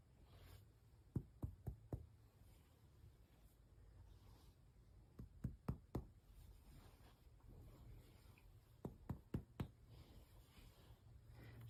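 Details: Chest percussion during a student nurse's healthy chest assessment of an adult patient, giving a resonant percussion note.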